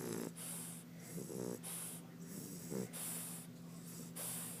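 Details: Sleeping English Bulldog: repeated rough, rattling snorts and snores with each breath, about 45 a minute, typical flat-faced dog sleep breathing.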